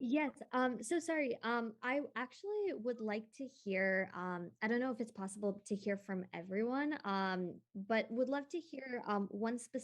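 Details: Adult woman speaking; normal speech.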